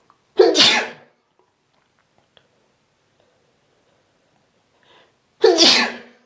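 Two loud, explosive sneezes about five seconds apart, with near silence between them.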